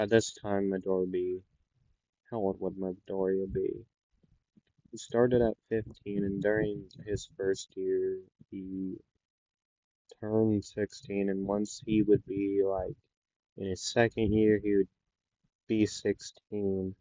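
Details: Stuttering in a male narrator who says he stutters a lot and repeats things; in this clip he repeats "the" several times.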